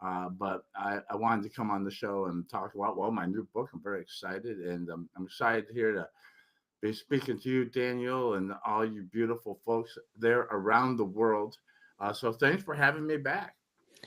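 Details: Adult man recovering from tongue cancer treated with chemotherapy and radiation; tongue still somewhat swollen from treatment, unable to speak for a while afterward. Articulation impairment after tongue cancer treatment.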